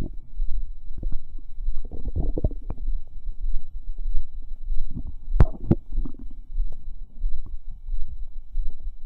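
Low gurgling and bubbling with a few sharp pops and squelches: active bowel sounds, a normal finding.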